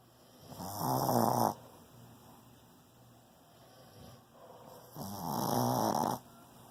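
Two loud, rough snores on breathing in, about four seconds apart, with quiet breathing between; ordinary snoring.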